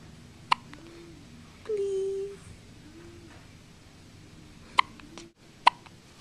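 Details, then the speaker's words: Girl with frequent hiccups: three sharp, brief hiccup clicks at irregular intervals over about six seconds, with a short vocal sound between them; hiccups. "Uh you got the hiccups do a good one for grandma you Poor girl"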